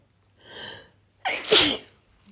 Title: Rapid desperate sneezes